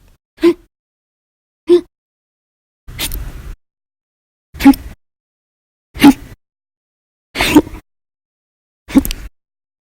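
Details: Seven short, sharp, throaty gulping hiccups at irregular intervals, about 43 a minute, separated by silence; a run of loud hiccups recorded 7/26/19 and 7/28/19.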